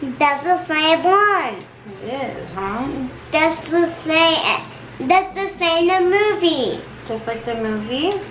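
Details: Echolalia in a 7-year-old girl diagnosed on the autism spectrum, repeating phrases.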